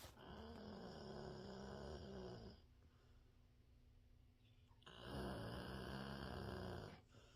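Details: Sleeping pet dog snoring with her tongue hanging out: two long, buzzing, fluttering snores separated by a quiet pause.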